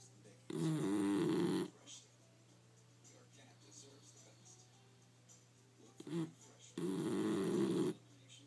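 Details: Bulldog sleeping under a desk chair, snoring with two long, loud, rattling snores about five seconds apart, with a faint steady hum in the room.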